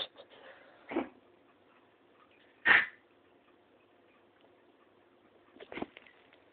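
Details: A dog gives three short, sharp, separate bursts spaced a few seconds apart in a quiet room after howling: cough.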